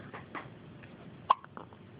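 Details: Newborn girl, the day after birth in hospital, having her first hiccups: a few soft, sudden hiccup sounds over faint room noise.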